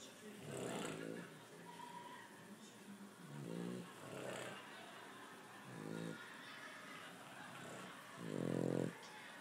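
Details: Snoring in harmony from a Boston Terrier and a man sleeping together; rhythmic rattling snores overlapping, one deeper and louder; ordinary snoring.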